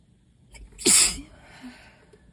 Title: 5/1 - moooore allergy sneezes!